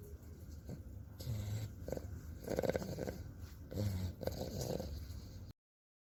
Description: This bulldog makes really funny noises when snoring.